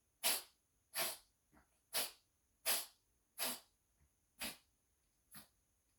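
A dog sneezes seven times in quick succession, with a few softer snorts between the bursts.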